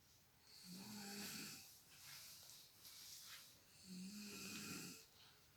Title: Baby's fun while mother's snoring